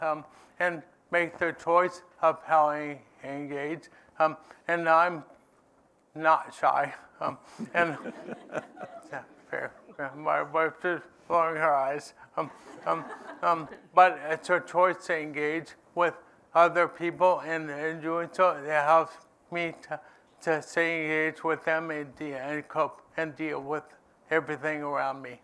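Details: Adult man living with ALS who says his own speech isn't great: dysarthria (ALS)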